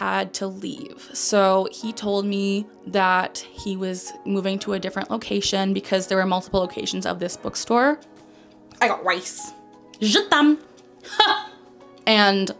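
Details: 27-year-old woman diagnosed with Tourette syndrome at age 12; a verbal interjection interrupting her narration appears to be a vocal tic; finding: vocal tic (Tourette syndrome).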